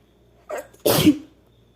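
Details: Single sneeze from a female: a quick in-breath followed by one sharp, explosive sneeze.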